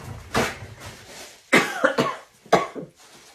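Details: Adult woman recovering from illness, now feeling better: about four harsh, loud coughs, some in a quick pair; lingering cough.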